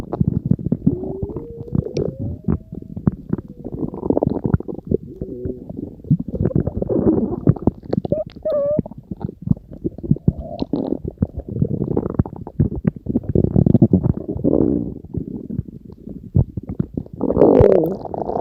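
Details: Stomach growling (borborygmi): low gurgling rumbles and squeaky bubbling from the belly, ongoing through the recording.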